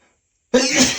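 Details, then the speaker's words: Male, in a bout of repeated wet sneezes he says he can't stop; brief quiet, then one sudden, forceful, wet-sounding sneeze burst. "I can't stop. I can't stop sneezing. Phew. I'm gonna sneeze again."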